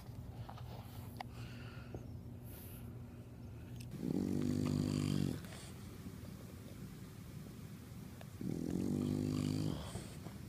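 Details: A sleeping dog snoring: two low, rumbling snores about four seconds apart over a steady room hum.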